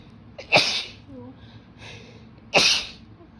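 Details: Adult female sneezing after holding in itchy sneezes all day at work, following rain soaking and air conditioning, induced by tickling her nose: short inward breath, then two forceful, hissing sneezes about two seconds apart.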